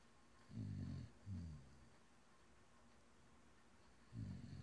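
A pet snoring: soft, low rumbling breath sounds in short bursts, separated by quiet pauses.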